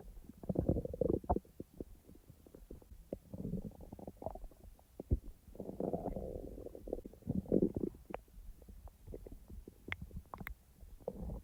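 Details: Real stomach rumbling sounds, edited and not in real time; ordinary bowel sounds (borborygmi).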